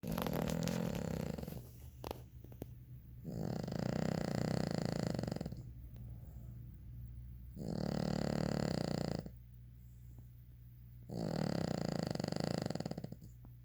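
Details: Loud rasping snores on each breath, about 4 cycles over 14 seconds, roughly 17 breaths a minute, from someone sleeping; snoring.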